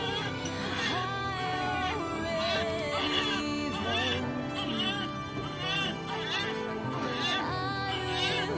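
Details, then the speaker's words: Newborn's strong first cry immediately after a planned epidural vaginal delivery to a first-time mother: repeated wavering, high-pitched wails over background music. "ฉันรู้สึกโล่งใจมากที่ได้ยินเสียงที่แข็งแรงของทารก"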